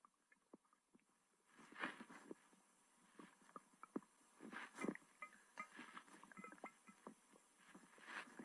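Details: Belly after a large meal with stomach pain, recorded during self-massage to aid digestion: soft irregular gurgles and squelching rumbles; borborygmi (stomach growling).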